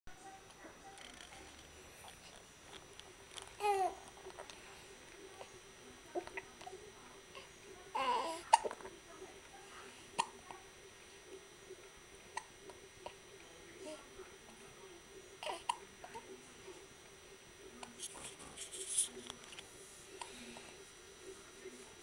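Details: An infant makes short, abrupt hiccup sounds at irregular intervals, with soft babbling and a steady room hum: baby hiccups.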